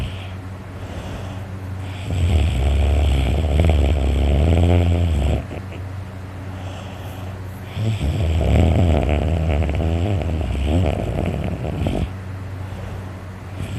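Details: Very tired adult snoring loudly in sleep, with a sore throat from the snoring: two long, loud, rumbling inspiratory snores with heavy breathing between.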